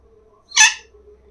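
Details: Pet parrot with a persistent cough and phlegm settled in the throat; owner suspects a cold; abnormal vocalization attributed to the phlegm; abnormal vocalization with throat phlegm.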